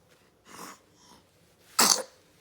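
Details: Baby sneeze: a soft in-breath, then one sharp, hissing burst of air from a baby girl.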